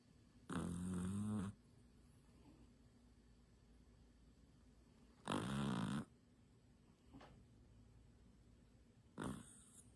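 Two loud rumbling inhaled snores about four seconds apart, then a softer third, in a quiet room; snoring in a sleeping dog.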